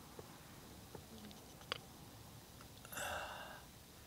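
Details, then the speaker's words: A single short, voiced belch in a quiet room after faint clicks, from an elderly father with dementia: belching. "Belching. You're belching. Huh? You're burping. You're burping."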